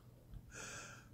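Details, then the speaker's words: Adult long-term smoker since age 8, told he has chronic emphysema (he doubts it), deliberately forces a breath. A short breath with a hissing, whistly edge: wheezing from narrowed airways. "in here I'm doing it deliberately so you can hear the wheezing"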